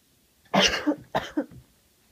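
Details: Day one of a head cold with sneezing, nose blowing and sniffling all day: two short, wet-sounding coughs in a quiet room.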